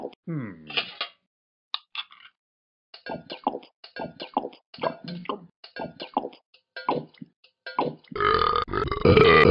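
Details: A run of short, croaky burps in quick succession ending in a louder rough noise; the owner asks why he is burping.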